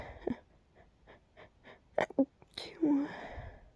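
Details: Nighttime sneezing from an itchy nasal tickle that got stuck: several quick sharp sniffs and catches of breath, then a sudden sneeze burst.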